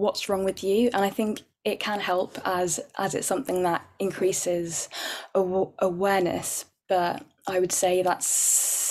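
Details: Real, overt stammering in an adult woman who stammers, with repetitions and blocks.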